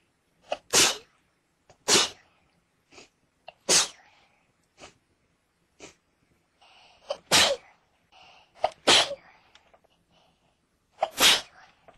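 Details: Sneezing fit: about six strong, sharp sneezes with smaller ones between, over twelve seconds.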